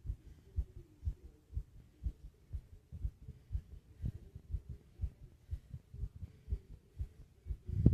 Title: Fast Heartbeat And Heavy Breathing Sounds #subscribe #heartbeat #asmrsounds #fast #breathing